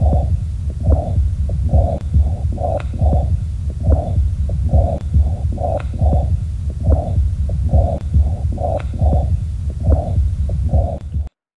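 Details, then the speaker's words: Fast heartbeat of a dog with mitral valve leak (common in middle-aged to older dogs): soft whooshing murmur between the heart sounds, heart murmur from mitral regurgitation. "this is a dog who has a leak across the mitro valve in the heart which is as we'll talk about later a very common cause of heart murmur in middle-aged to older dogs what you'll hear is a sh kind of sound a wishing sound between the heart sounds"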